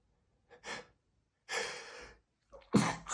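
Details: Adult male stifled sneezes triggered by dust while cleaning: brief muffled bursts and a sharp breathy intake, ending in a forceful held-back sneeze.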